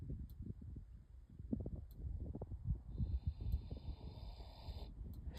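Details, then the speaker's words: A sleeping pig snoring: irregular low grunting snorts and rumbling breaths. "is totally snoring. And Buddy's just over there."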